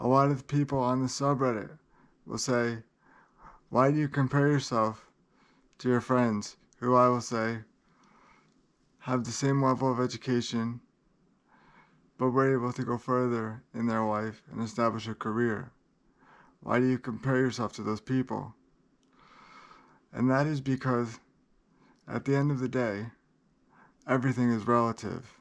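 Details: Adult man with cerebral palsy that he says places great limitations on him; dysarthria due to cerebral palsy.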